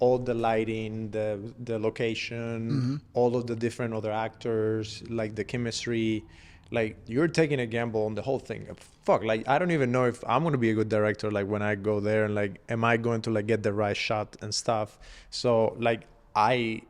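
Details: Adult male speaker; typical fluent speech.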